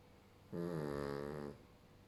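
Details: Sleeping pug with a single drawn-out, buzzing, tonal, vibrating snore lasting about a second; noisy sleep breathing in a flat-faced dog.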